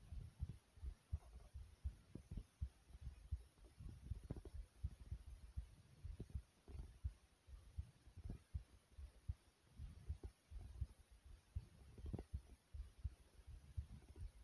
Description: my heart slightly beating fast and my stomach growls a little bit as well